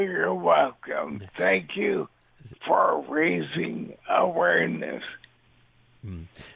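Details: Dysarthria from ALS in a man living with the disease since diagnosis in 2014; his voice and mobility are affected, and he also uses a synthesized voice.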